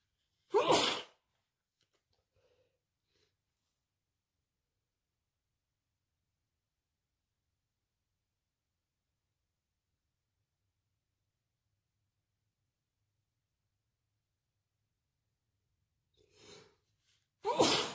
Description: Just me sneezing my head off :D